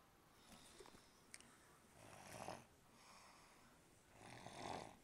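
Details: Soft, rough snoring breaths about every two seconds with faint snorting clicks between them, in a quiet room; snoring.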